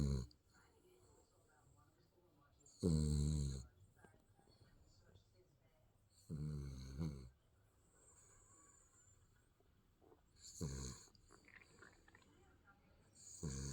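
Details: Baby snoring in sleep: soft, low rattling snores about every four seconds, with quiet breathing between them.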